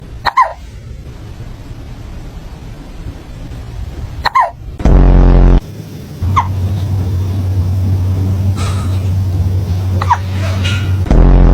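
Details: Cat with hiccups, possibly from eating too fast: four tiny, squeaky hiccup chirps a few seconds apart, over a loud, steady low hum and background music.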